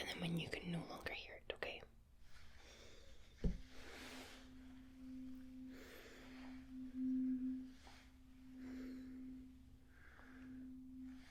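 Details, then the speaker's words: Simulated ASMR cranial nerve exam, hearing test: a struck 256 Hz tuning fork hums as a steady low pure tone, swelling and fading as it is moved around the listener's ears. "So, I'm gonna get this and I'm going to make a sound all around your ears with this. It's a 256 Cork and you need to tell me if you can hear it and"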